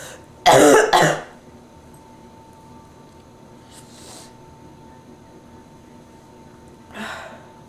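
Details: Adult woman with bronchitis, stuffy nose, sore throat and feeling feverish; a strong double cough, then a softer cough after a pause.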